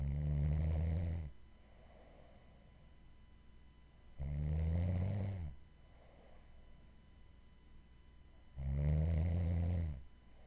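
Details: Three loud, low, rattling snores on inhaling, about 14 a minute, with quiet exhales between them: steady snoring.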